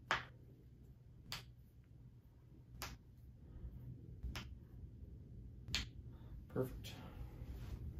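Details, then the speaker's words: Chiropractic wrist and elbow adjustment of a patient's irritated, crunchy dominant hand, with wrist and elbow issues from work; six sharp isolated joint cavitation cracks with quiet between, the wrist clunking back in. "now it's crunchy as well and so this is because this is the dominant hand it gets used the most so that's why there's the most irritation through here and then we can do our wrist that clunks back in"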